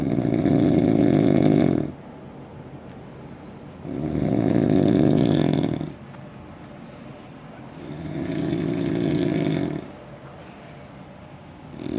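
Three very loud, low, rumbling snores, each about two seconds long, about one every four seconds, roughly 15 breaths a minute.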